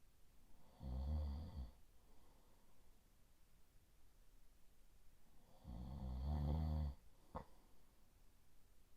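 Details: Adult boyfriend snoring through the night, sleep ASMR recording: two low, rattling snores on inhalation about five seconds apart, with quiet breathing and a faint click between in a still room; ordinary snoring.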